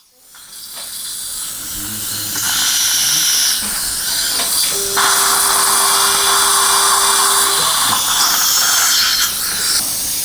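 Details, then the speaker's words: Dental implant drill: high-pitched whining drill with hissing irrigation spray in bursts; 4.5 x 10 mm guided (OneGuide template) drilling at missing upper tooth 16 in a 63-year-old male, poor bone quality, GBR on palatal side. "4.5 by 10 millimeter drilling is done bone quality is not very good"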